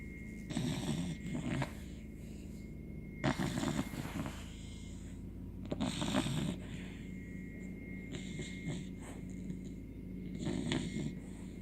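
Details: 17-week-old American Bully puppy snoring while sleeping comfortably: loud, rattling snores about 23 a minute, unevenly spaced; snoring.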